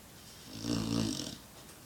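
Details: 6-month-old black Labrador sleeping: a single low, buzzing snore on one breath, rising and fading over about a second, in a quiet room; snoring.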